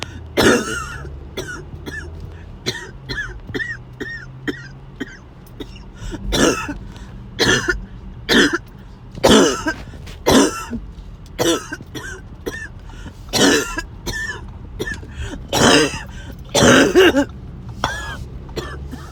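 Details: Sudden harsh coughing and choking fit that came out of nowhere: repeated harsh, forceful coughs with gagging and throat-clearing between, about a dozen bursts over twenty seconds.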